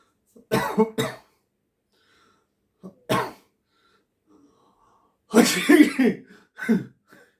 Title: Coughing Video Audition